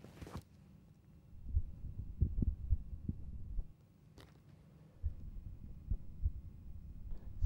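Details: Carotid auscultation with the patient holding their breath, listening for bruits during a cardiovascular exam; normal, no bruit.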